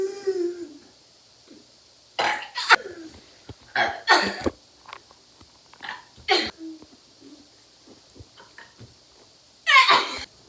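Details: Several short, harsh bursts with quiet gaps, possibly coughs, throat noises or burps, with faint vocal sounds; cough.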